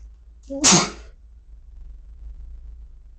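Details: Induced sneeze in a male: a brief indrawn catch, then one sharp, hissy burst of air and quiet afterward; a single sneeze.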